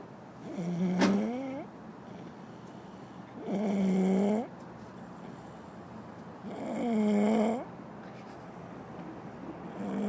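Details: A baby girl snoring loudly: regular tonal snores about 19 a minute, each a long, slightly rising whistly rattle on breathing in, with quiet breathing between.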